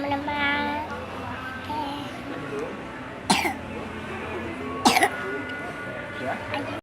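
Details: Two short cough bursts from a young child who has a cough while playing with kinetic sand, over steady background noise, faint music and play sounds.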